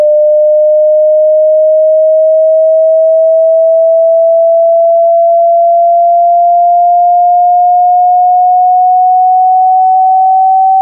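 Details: Self hearing test, meant for headphones at normal volume, with on-screen frequency display: a loud, steady mid-pitch pure tone rising very slowly as part of the frequency sweep.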